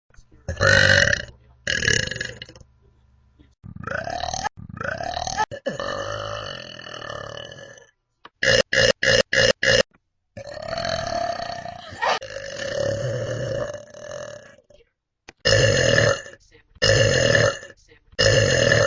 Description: mee burping :)